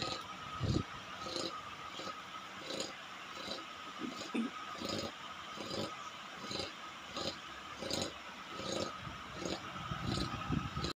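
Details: Snoring in an American Bully dog.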